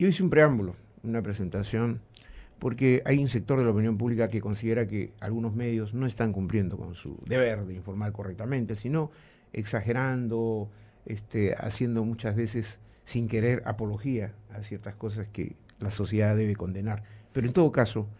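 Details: Adult male radio host; normal speech.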